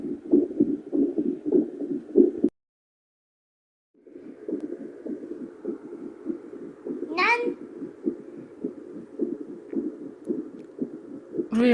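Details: Rapid, regular whooshing pulses of a young child's heartbeat with a brief dropout, picked up by a handheld fetal Doppler connected to a speaker: normal heartbeat on Doppler.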